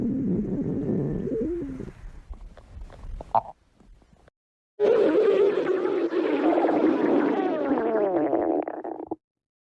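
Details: Stomach growling (borborygmi): low gurgling rumbles, a pause, then a long drawn-out growl sweeping in pitch, from gas and fluid moving through the gut.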